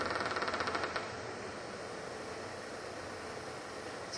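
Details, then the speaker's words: Myotonic discharge on needle EMG, shown in a talk on periodic paralysis and myotonic disorders (paramyotonia mentioned): rapid repetitive crackling that speeds up then fades into a steady roar, likened to a motorcycle revving. "listen to this dance of monotony people call it a tight bond Muslim to me sounds like a motorcycle driving"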